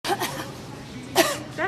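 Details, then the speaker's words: Adult woman in a grocery store coughing at people, a few short, harsh bursts with quiet room noise between them, during Covid-19; cough. "she's coughing on me she's coughing at me"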